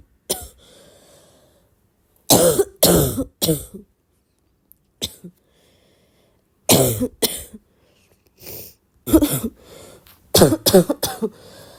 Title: trying to read but i have this bad barking cough